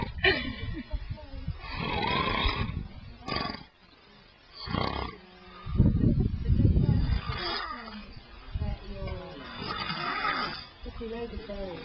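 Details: Loud, rough, rumbling snores with breathy, noisy pauses, recorded over several breaths from a sleeping man who denies snoring.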